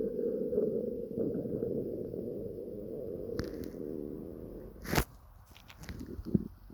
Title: Upset Stomach Noises